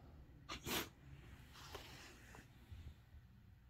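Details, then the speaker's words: Sneezing with a face spasm and head up: a sharp, short burst of breath followed by a softer second puff, in a quiet room; a small sneeze. "Is it because you're sneezing? Is it because you're sneezing?"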